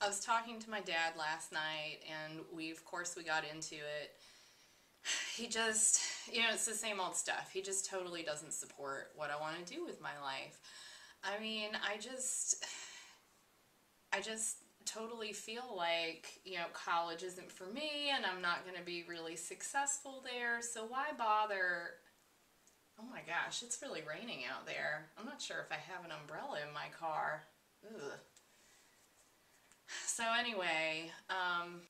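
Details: Acted client example in mental status exam training; logical form of thought, normal.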